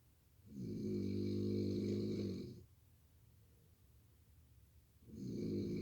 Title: snoring mini clip 💏💤🛌💤